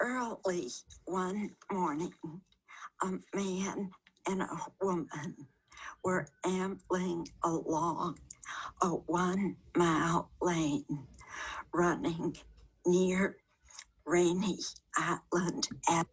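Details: Patient reading a passage aloud, with both abductor and adductor spasmodic dysphonia plus tremor; mixed spasmodic dysphonia with voice tremor.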